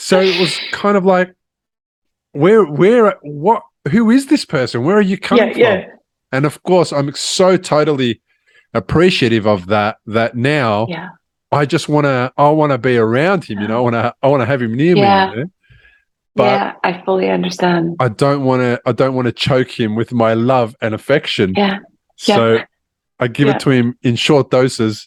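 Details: Adult man speaking; normal conversational speech.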